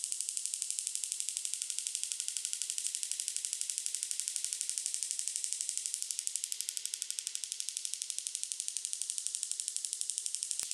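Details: Extracorporeal shockwave therapy on the right lower back for pain, run at a faster rate: rapid, steady, high-pitched ticking pulses about four per second.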